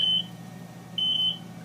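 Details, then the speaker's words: Two short bursts of high-pitched BiPAP alarm beeping over a low machine hum, a demonstration for nurses. The proximal pressure line has come off and the screen shows 'proximal line disconnect'. "now we have an audible alarm and we can see the alarm message there proximal line disconnect"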